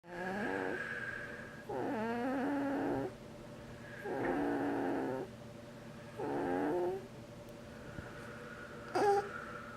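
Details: Snoring during sleep around 9:30 a.m.: loud, rough snores with each breath, about 27 a minute, with quiet gaps between them and a steady room hum.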